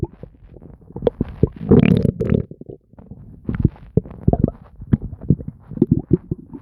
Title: Nonstop stomach gurgles and bubbling [Stomach noises]